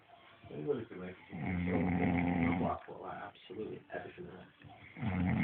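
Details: Man asleep: loud, rough, rattling snores with short pauses between breaths; ordinary heavy snoring.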